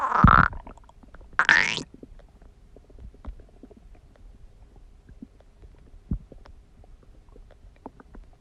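Two loud gurgling stomach growls early on, then faint scattered bubbling and clicks; ordinary bowel sounds of a rumbling stomach.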